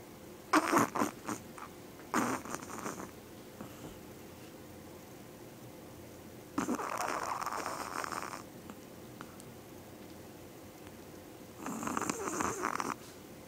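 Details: Small Yorkie dog whose owners say she snores louder than any dog they have owned: four noisy, rattling breaths with quiet pauses between, snoring in sleep.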